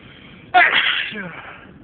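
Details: Several induced sneezes, loud and stifled; this clip is a single loud, abrupt sneeze with a sharp explosive burst and a trailing voiced tail.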